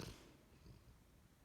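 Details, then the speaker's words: Beacon snoring softly while asleep, possibly with some twitching on a blanket; owner says she has rarely been recorded asleep and often wakes when filmed. Snoring. "sorry I'm gonna just you can probably hear beacon snoring"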